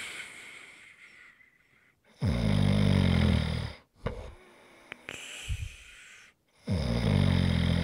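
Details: Loud, deep, buzzing snores on breathing in, with quieter breaths out between them; heavy snoring, recorded as relaxation sounds.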